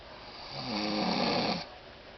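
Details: Woman snoring while asleep and dreaming: one loud rattling snore on an in-breath, rising and lasting about a second, against quiet room noise; snoring.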